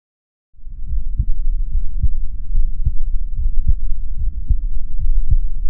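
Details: Normal heart sounds of an adult man recorded with a DIY electronic stethoscope (stethoscope plus lavalier condenser microphone): regular paired lub-dub S1 and S2, about 73 beats a minute over a steady low hum.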